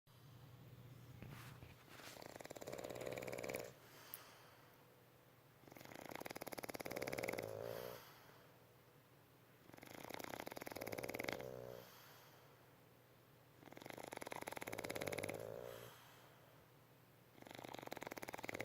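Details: Regular loud fluttering snores from sleeping bulldogs, about 13 breaths a minute, each inhale a rattling snore; ordinary snoring of a flat-faced breed.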